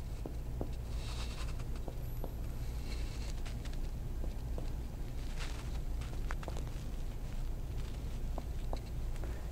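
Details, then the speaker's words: Simulated paramedic respiratory exam on a fellow intern, direct percussion beginning over the clavicles, brief muffled tapping notes: chest percussion notes. "Now I'll percuss the chest. I'll begin by percussing the clavicles directly."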